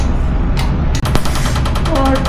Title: Laser tattoo removal #tattooremoval best laser